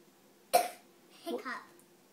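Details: Young boy with hiccups: a single sharp, abrupt voiced hiccup catch followed by brief child vocalizing.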